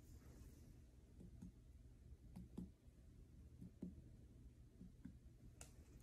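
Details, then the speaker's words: Student nurse percussing a healthy patient's abdomen during abdominal assessment: soft paired finger taps, tympanic in all four quadrants, after normal bowel sounds and no bruits; normal tympanic percussion. "Next, I am going to percuss your stomach. Just listen to what it sounds like."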